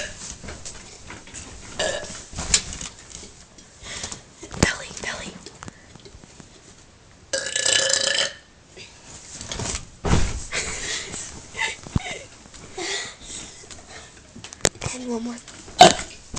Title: burping again